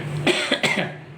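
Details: Three rough coughs with background hum from a man recovering from illness, now mostly well but still coughing.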